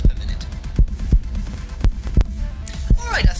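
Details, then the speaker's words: Steady paired heart thumps while resting, watching TV and eating popcorn, rate stated as about 80 per minute, over soft background music; normal resting heartbeat. "watching TV and stuffing my face with popcorn my body is isn't working very hard if you listen you can hear my resting heart rate it should be about 80 beads"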